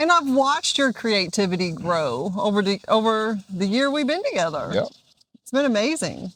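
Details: Adult speakers in conversation; no disorder.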